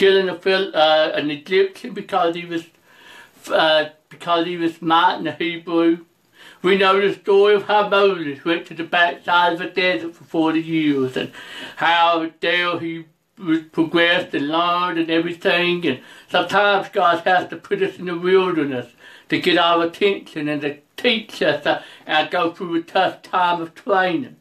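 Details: Adult male preacher who reports a speech impediment, along with other disabilities including trouble seeing and hearing and being unable to drive; speech impediment.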